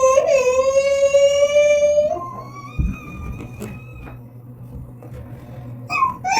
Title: Baby Crying Sound Effects 2